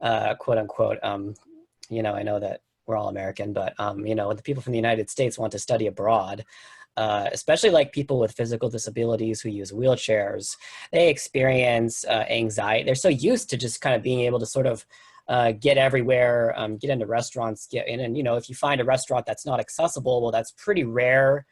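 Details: Adult male speaker; Typical speech.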